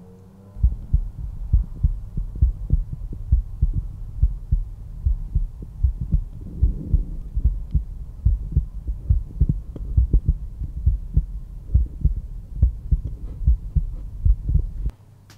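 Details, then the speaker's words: Real adult heart at rest, stethoscope bell at the mitral area, fifth intercostal space midclavicular line: regular low lub-dub at about 68 a minute, normal heart sounds. "both the tricuspid and the mitral valve control blood flow from the atria to the ventricles and when they contract they create that first heart sound that you can hear the lub lub lub lub"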